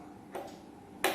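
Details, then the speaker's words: Fiber optic light cable knob inserted into a laparoscopy light source, soft then sharper click confirming attachment, demonstrated in a small-animal veterinary laparoscopy training course. "Now we just hold this light knob, the cable knob, and gently insert in this hole. While inserting in this hole, you will get the click sound."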